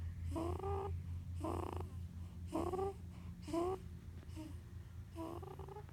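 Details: 15-day-old newborn girl asleep, making rhythmic low grunts with a nasal snore-like rumble, about six bursts, sounding like snoring and grunting at once; normal newborn sleep grunting and snoring.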